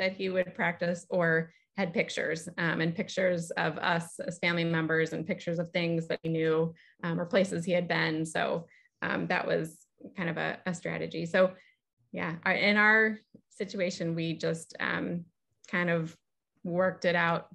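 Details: Adult woman speaking; normal speech.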